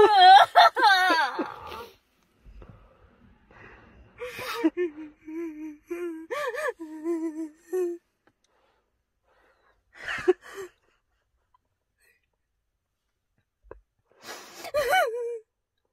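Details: Person with Tourette syndrome or tic disorder trying medical marijuana for the first time, possibly with coughing or gasping: vocal tics.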